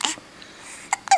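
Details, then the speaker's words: Brief, sharp breathy catches from an infant, possibly 23 days old, three quick bursts in about a second against quiet room noise; hiccups. "I have the hiccups always no fun hiccups are no fun hiccups aren't fun"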